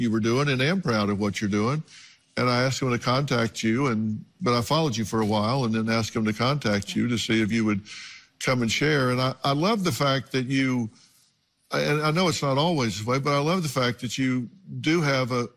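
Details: Adult male speaker; typical speech.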